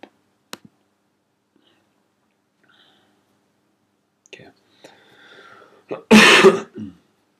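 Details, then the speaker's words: Adult speaker who is unwell and hoarse: a few soft clicks and breathy throat sounds, then a loud, harsh cough burst with a short follow-up; cough and throat clearing. "have to excuse me, I'm not very well at the moment, so if I sound a little bit hoarse, that'll be why."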